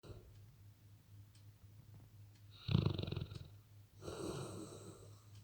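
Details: Sleeping Labrador in a quiet room with a soft low hum: two rough snoring breaths, one with a faint whistling edge; snoring.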